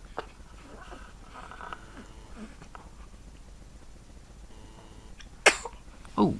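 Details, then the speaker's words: A 3-day-old newborn girl just waking: quiet room sounds, then a sharp high sneeze followed by a second sneeze; ordinary harmless newborn sneezing. "Oh, bless you. Bless you. Bless you. She's sneezing."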